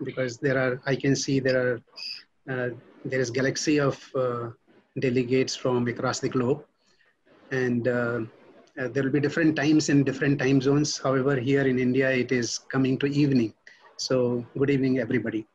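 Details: Adult male speaker; normal speech.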